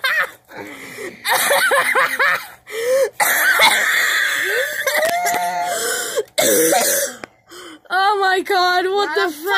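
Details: Coughing brought on by laughter, during a bout of laughing.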